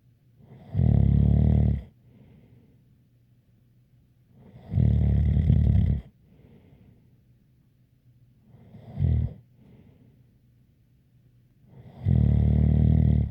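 Loud, low rattling snores every three to four seconds, with a faint whistle and quiet breaths between: snoring.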